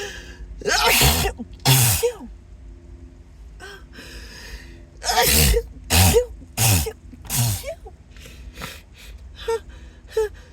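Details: Acted, announced sneezing fit; the speaker apologises, says they can't stop and suspects an allergy: about six loud sneezes in ten seconds, with gasping in-breaths, over background music.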